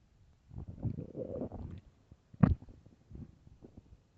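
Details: Extremely loud stomach growls from an empty stomach: low gurgling, rumbling bowel sounds with a brief louder burst; borborygmi.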